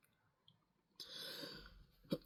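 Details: A drawn-out harsh, airy cough followed by a brief sharp cough burst in a quiet room, from an adult describing dry cough and phlegm held in the lungs by cough suppressants; cough.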